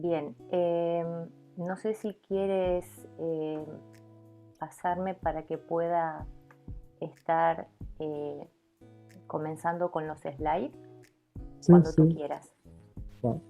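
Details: Adult woman from Argentina, a professional stuttering mentor, who states she stutters; stuttering.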